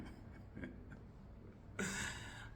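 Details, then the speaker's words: One short, harsh, rasping throat clearing from an adult man in a quiet room; he says it is not really coughing but he must clear his throat every time he talks. "I'm trying to get some medication as as you can hear I covered not it's not really coughing but every time when I talk I need to clear my throat"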